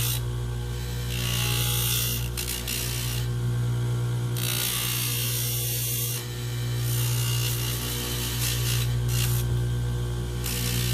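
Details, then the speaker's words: Steady motor hum with bursts of gritty grinding as a dental lathe flattens denture teeth during setup for a wax try-in. "what I do is turn my light on so you can see just grind"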